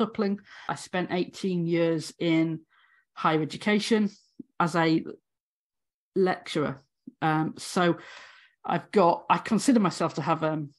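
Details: Adult woman, former university lecturer of 18 years, who has a real stammer; stuttering (stammering).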